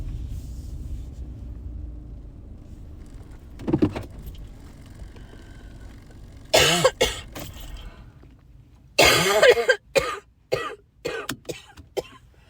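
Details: Person coughing while driving in the first couple of days of a cold: bouts of short, harsh coughs, some in quick runs of several, over steady car engine noise.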